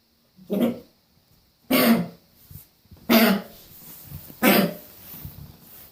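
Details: Four harsh, honking coughs over about six seconds with gagging quality from a dog that is foaming and trying to spit something out, as if something is stuck in the throat.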